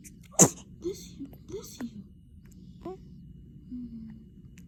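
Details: Morning recording: one sudden, forceful, hissing burst of air, then soft quiet sounds; sneeze.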